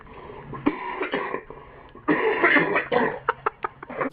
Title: Chesty Cough Compilation